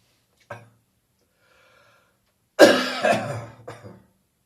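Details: A residual post-bronchitis coughing fit shortly after getting up in the morning: a short throat sound, a pause, then a loud, harsh, wet, phlegmy coughing burst with two or three follow-on coughs.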